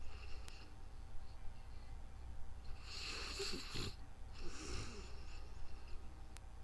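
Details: Person sleeping and snoring, recorded in real time: two slow, noisy inhaled snores with a rattling, snorting quality over a low, steady room hum.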